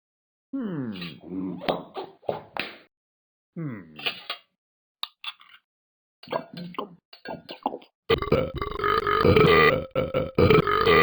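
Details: Cartoon eating and gulping sounds, then a long loud burp from the game character Talking Ben eating dinner; simulated burping.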